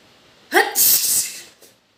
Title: Wet sneezing.